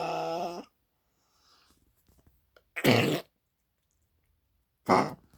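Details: Dog coughing when moving, recorded for the vet: a brief whine, then two short, harsh, forceful cough bursts a couple of seconds apart.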